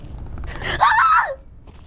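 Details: A single sneeze from a VTuber streamer (hololive): a short breathy build-up, then a sharp voiced burst that trails off.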